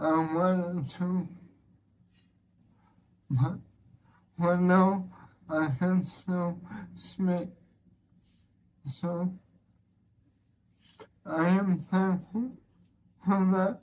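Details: Flaccid-spastic dysarthria from bulbar weakness in a man with ALS (motor neuron disease), slurring since late 2023; self-described weak, labored voice from weakening throat muscles, breathlessness when speaking; expects eventual loss of speech and swallowing.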